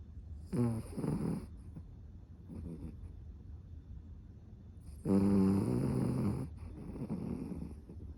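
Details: Sleeping cavapoo snoring loudly: uneven snorting snores on breathing in, with softer sounds between, over faint background hiss.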